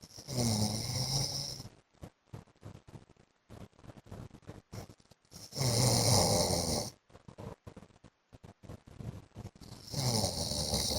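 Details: Adult man (husband) sleeping with loud, harsh snores about every 5 seconds and short snorting bursts between them; heavy snoring.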